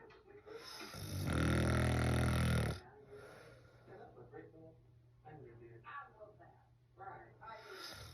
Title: How can I stop snoring?? #couples #funny #snoring